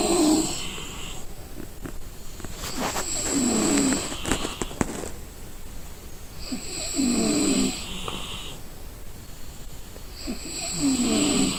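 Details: Loud, rattling snores on each breath in, about 16 breaths a minute, with soft whistly breaths out, from a person sleeping while exhausted; ordinary heavy snoring.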